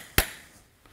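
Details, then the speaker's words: Partial knee replacement on a right knee: a single sharp metallic surgical mallet strike impacting the femoral component, with one Z retractor in place. "Again, I don't use a lot of retraction because I want to be nice to the skin edges for healing, so usually I'm just using one Z retractor throughout the entire case. Impact the femur."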